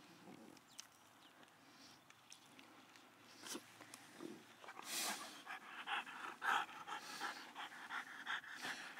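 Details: Female brachycephalic dog with narrow nostrils, likely with secondary soft-palate changes: quiet at first, then fast, rhythmic, noisy, labored panting breaths with throaty roughness.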